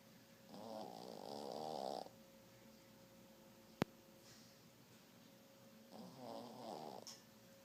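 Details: Shih Tzu dog snoring while asleep by the couch: two long rattling snores with quiet pauses between, over faint room hum.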